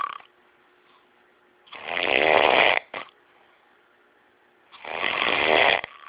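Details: Loud, harsh, buzzing snores on the in-breaths, two within six seconds, about 20 breaths a minute; heavy snoring.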